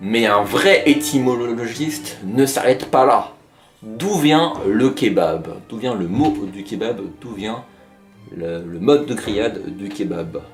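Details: Adult male speaker; stuttering.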